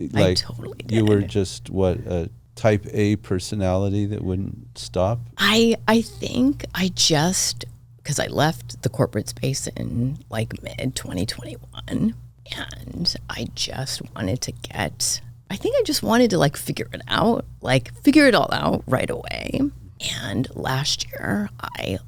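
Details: Adult woman diagnosed this year with spasmodic dysphonia, attributed partly to voice overuse as a podcast host and partly to stress; symptoms occur unpredictably and appear during the interview; spasmodic dysphonia.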